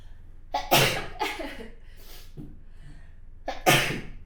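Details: Person with long-standing rhinitis and house-dust allergy: a run of sharp, explosive sneezes in quick succession, some with a quick catching breath before them, in a quiet room: repeated sneezing.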